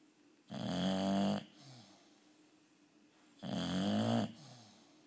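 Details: Bulldog giving two loud, long, rattling snores about three seconds apart, each followed by a softer exhalation: heavy snoring.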